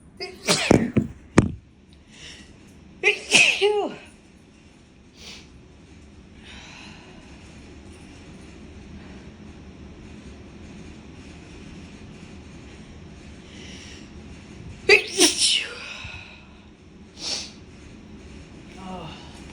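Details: Person sneezing while cleaning their place, after a familiar tickle: several sharp explosive sneezes with quiet room noise between them; repeated sneezing.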